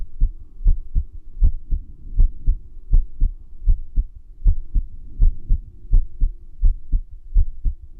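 Paired low heart thumps at about 80 a minute, spacing somewhat uneven, over a faint steady hum; an irregular heartbeat (arrhythmia).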